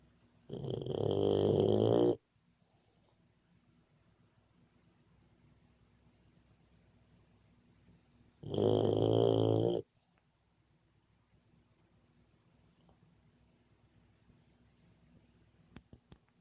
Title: Boxer puppy snoring and dreaming.